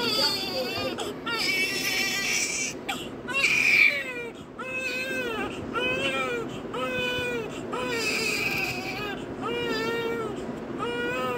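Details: Loud, sustained crying from a newborn in repeated wails with short catches of breath, during IV cannula insertion on the foot in hospital.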